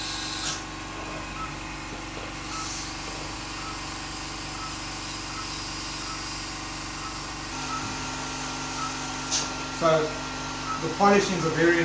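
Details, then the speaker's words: Dental handpiece coarse-polishing a composite filling on a Jack Russell dog's fractured canine tooth with exposed pulp: steady high-pitched motor whine with gritty contact sounds. "so i'm going to spend probably five minutes polishing that was a coarse polishing that was coarse polishing"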